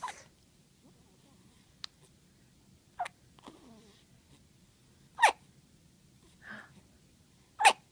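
About six brief, sharp, irregularly spaced bursts in a quiet room, fitting hiccups: sudden catches of breath.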